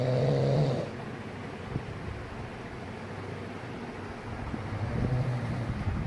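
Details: Low, rough, rumbling snoring during sleep from a man, with a short louder snort at the start; loud snoring on a second consecutive night.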